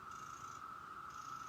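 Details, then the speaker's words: Motif Luna double electric breast pump, switched on for a demonstration in massage mode: a steady high motor hum with faint rhythmic pulsing. "it is here it's starting to go and turn it back off here in a second but you have a massage mode just really nice and you can change it"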